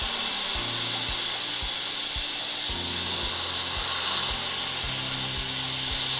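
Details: High-pitched whine of a dental drill in short repeated passes, as an occlusal finishing bur shapes a new composite filling on tooth #14 in a 39-year-old patient, replacing a 20-year-old amalgam.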